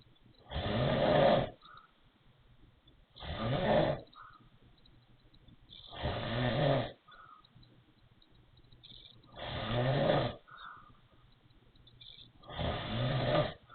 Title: wheezy snoring